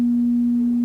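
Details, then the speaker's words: Steady, pure mid-low hum from a struck tuning fork (256 Hz and 512 Hz forks), tapped on the elbow, of the kind used for bedside Rinne and Weber hearing tests for hearing loss. "소리 급 쌔 튜닝 포크 또는 음 차는 일정한 주파수의 음 높이를 내는 소리 기구입니다 보여드린 소리 값에는 각각 256 걸즈 그리고 512 헐 지에 고유 진동 주파수를 가지고 있습니다"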